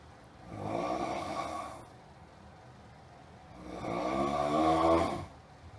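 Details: Two long, loud, rattling snores on the in-breath, separated by a quiet pause, noisy enough to keep the listener from sleeping: loud snoring.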